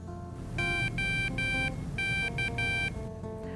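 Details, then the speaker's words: CADD Solus infusion pump for home TPN, switched on after new AA batteries and before the cassette is attached, runs its self-test: six bright electronic beeps showing successful start-up. "This pump will go through a self-test mode, and you will hear 6 audible beeps."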